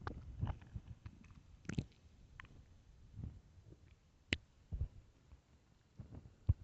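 Quiet, irregular low gurgles and squeaks come and go: stomach growling from gas and fluid moving through the gut.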